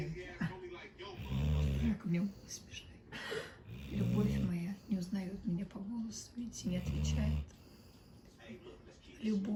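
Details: Labrador dog sleeping on a bed, snoring on and doesn't recognise the voice calling him: deep, rumbling snores recur irregularly, with soft voices and faint music in the background.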